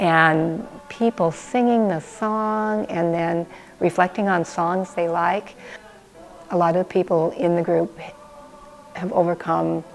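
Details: Adult woman speaking; no speech disorder.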